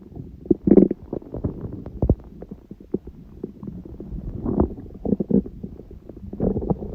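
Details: Stomach growling after eating too much udon at 19:30 and waking from sleep, recorded at 1:30; the owner suspects the stomach was surprised by gluten after a long break. Irregular gurgling and bubbling rumbles, some short, some drawn out: borborygmi.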